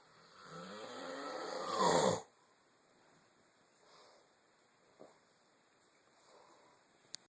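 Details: Sleeping male said not to snore: one rising, rough snore on inhalation lasting about two seconds, then quiet breathing; snoring.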